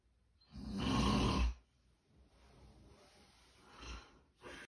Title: Horrible snorer I had to sleep in same room with